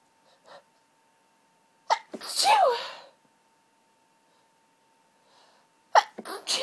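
Forceful sneezes with sharp intakes and drawn-out voiced bursts, another starting at the end; a sneezing fit from hay fever.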